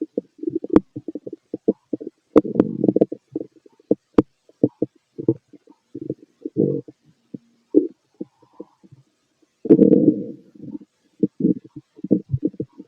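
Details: Fit adult male, stethoscope over the abdomen during digestion of pastry, chicken, curry, bread, milk, eggs and pasta: frequent gurgles, clicks and short rumbling bursts, normal active bowel sounds; heartbeat also recorded.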